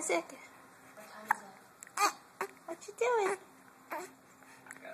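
Several abrupt, short voiced gulping sounds at irregular intervals, with faint room noise: hiccups.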